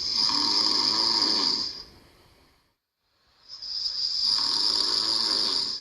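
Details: Man with sleep apnea recorded while sleeping: loud, harsh snoring breaths separated by a brief quiet gap, typical of obstructive sleep apnea.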